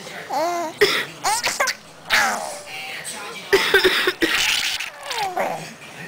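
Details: Mother's cough: several short, dry adult coughs in brief clusters, each followed by her 5-month-old baby's high-pitched squealing laughter.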